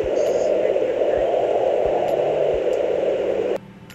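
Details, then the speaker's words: Fetal Doppler on a pregnant woman's belly, over an artery: steady loud whooshing with regular low thumps at about 90 a minute. This is the mother's own arterial pulse (60–100 bpm range), not the baby's heartbeat. "there's an artery that runs all the way down your belly and when the monitor is on that artery you'll hear your heartbeat and also a short noise between the beats this noise is easy to pick up and sound faster than your heart rate but it's not the baby"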